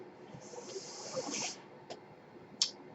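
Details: The podcaster's own mechanical ventilator, heard while he speaks: a soft, steady hiss of air lasts about a second, then brief clicking and puffing sounds of ventilator airflow and valves.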